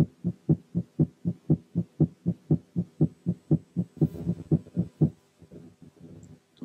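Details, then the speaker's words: Normal heart sounds at 120/min tachycardia: fast regular rhythm with S1–S2 interval close to S2–S1 interval, making systole and diastole hard to tell apart by spacing alone. "لكن لما يكون في تاكيكارديا الهارت بيتس بيكونوا جنب بعض، والمسافات بين الفيرست والسكند ساوند بتبقى مقاربة للمسافات بين السكند ساوند والفيرست بتاع البيت اللي بعديه. تعالوا نسمع كده الهارت ساوند على سرعة 120."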